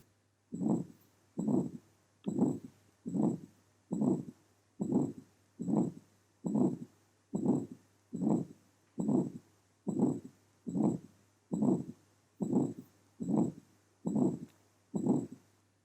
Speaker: this is the characteristic waveform of the murmur produced in a case of aortic stenosis the murmur occurs during systole